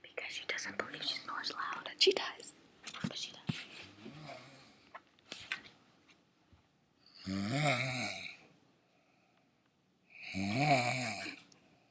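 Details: Two loud, rattling, fluttering snores about three seconds apart, after soft whispering and rustling; a person snoring.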